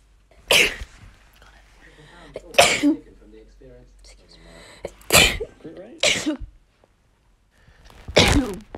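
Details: A daughter's sneezing fit: five sharp, explosive sneezes in quick succession with short breaths and faint murmurs between them.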